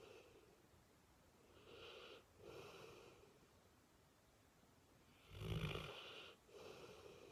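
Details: Snoring while snuggling: slow, rhythmic breaths with a rough, slightly whistling tone on each in- and out-breath, about 17 breaths a minute, in a quiet room.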